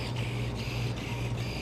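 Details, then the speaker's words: Arthroscopic shaver in a man's right shoulder during arthroscopy, trimming frayed tissue at the front undersurface of the supraspinatus: steady low motor hum with faint rhythmic whirring, about three pulses a second. "i think if i put the shaver back there i can trim it bears me to come get this one little bit on the very front under surface of the supraspinatus"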